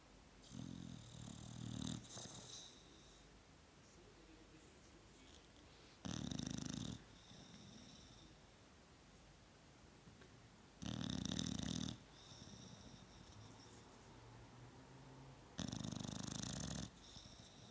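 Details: Sleeping individual snoring: regular rough snoring noises with each breath, about four in 18 seconds, over a quiet room hum.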